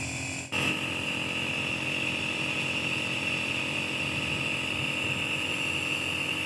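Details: Steady loud mechanical buzz with a high hiss starting after a brief click; a home nebulizer compressor being set up to nebulize a baby or child.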